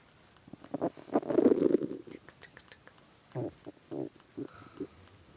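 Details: Hunger stomach growling (borborygmi) from a hungry boyfriend's belly, recorded while lying on his stomach as he played a video game.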